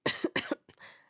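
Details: Cough.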